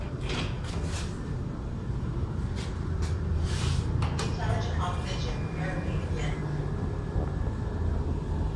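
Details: Medris Y-501W 5-litre medical oxygen concentrator running after setup, with the humidifier bottle attached and bubbling.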